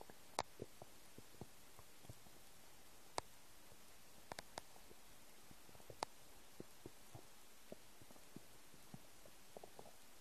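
Quiet, scattered gurgles and soft pops against a hushed background, ordinary stomach rumbling of an empty stomach.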